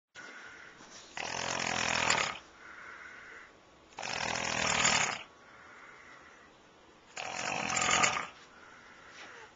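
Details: Sleeping male recorded on video snoring really loudly: harsh, rattling snores on each breath in, about 21 a minute, with softer whistling breaths out between them.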